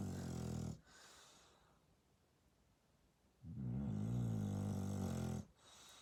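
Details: Dog snoring loudly: deep, rattling snores on the breath in, with quiet breathing between, about two snores in six seconds.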